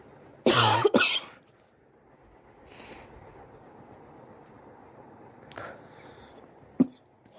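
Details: Harsh double cough, quiet breathing, then a shorter cough burst with throat sound; adult's persistent chest cough over several weeks, self-suspected bronchitis, sore from coughing, chest X-ray planned to check for pneumonia.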